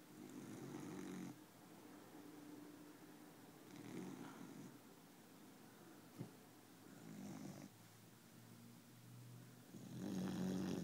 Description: Cute when it's quiet like this. Not so cute when it wakes you up in the middle of the night.